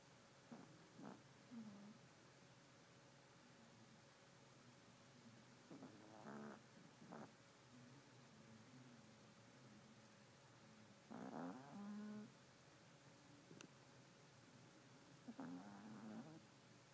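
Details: A sleeping miniature Yorkie dog snores in soft buzzing bursts, about 14 breaths a minute, sounding like a humming bee: snoring.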